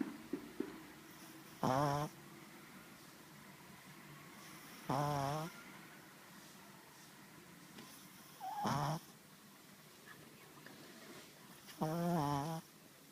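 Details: 4-month-old pug puppy asleep inside a jacket: four rattly, buzzing snores about three seconds apart (roughly 18 breaths a minute) in a quiet room; snoring.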